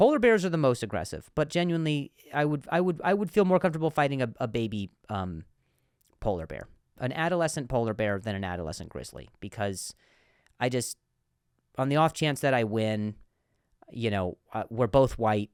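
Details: Adult male comedian who stutters, speaking on a podcast, with word repetitions: stuttering.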